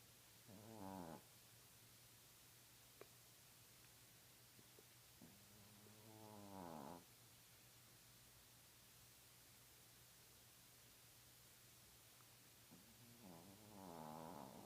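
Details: Snoring in a sleeping Chihuahua: soft, whistly, buzzing breaths spaced several seconds apart, with quiet pauses between them.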